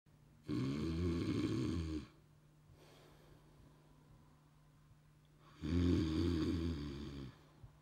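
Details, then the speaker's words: Staged snoring by an actor in a comedy sketch, bed partner complaining and telling him to turn over: two loud, deep, rattling snores with quiet breathing between. ", you're snottering. In my face. You're snottering. Turn over."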